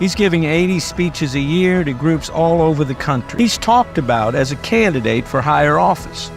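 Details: Adult male speaker; typical voice.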